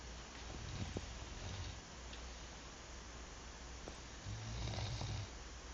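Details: Ordinary snoring from a man: low, rattling breaths with a couple of louder snoring passes over steady background hum.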